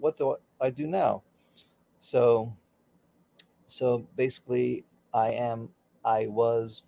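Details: Adult man, former critical care and flight paramedic, with aphasia for about 15 to 16 years after a stroke during surgery that affected his right arm and leg; works with speech pathology daily; aphasia.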